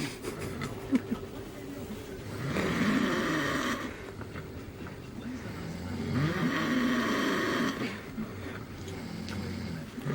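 Repeated rough snores from more than one sleeper, about every four seconds, with softer snoring in between. Snoring.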